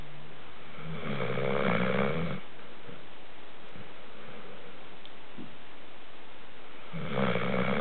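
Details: Pet dog snoring: two low, rumbling snores on inhalation, several seconds apart, with quiet breathing in between.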